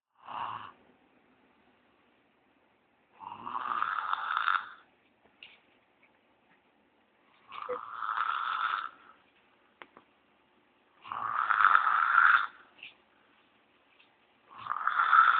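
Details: 7-year-old child sleeping soundly, snoring very loudly: repeated rough breath sounds about every 3.5 seconds, about 17 a minute, with silence between; steady rhythmic snoring.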